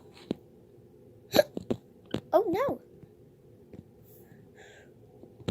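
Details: Cartoon character Peppa Pig with acted hiccups: a few sharp hiccup-like gulps with a short vocal squeak; simulated hiccups.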